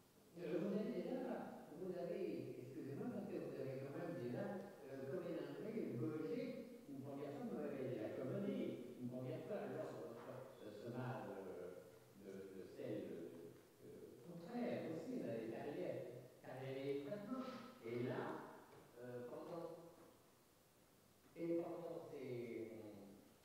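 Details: Spectacular case of fluent Wernicke's aphasia in a real male patient with anosognosia: massive phonemic paraphasias and noun substitutions, with articulation and syntax largely preserved. Finding: Wernicke's aphasia (jargon aphasia).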